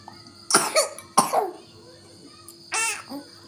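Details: A young child coughs while eating: two short coughs, then a brief voiced sound over faint background noise.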